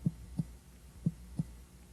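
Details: Tympany on abdominal percussion.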